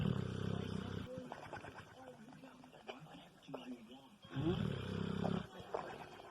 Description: Kilo the Bulldog flapping lip snore.